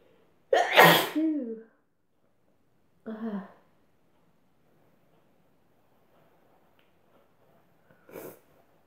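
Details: Sneeze induced by sniffing chhinkni powder: one loud explosive sneeze followed by a shorter voiced sound and a faint later burst, in a quiet room.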